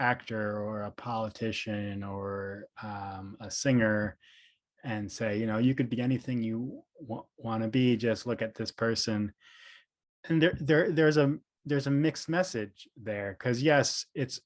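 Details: Stuttering in an adult man, a speech therapist who describes himself as a person who stutters; audible part-word and word repetitions; finding: stuttering.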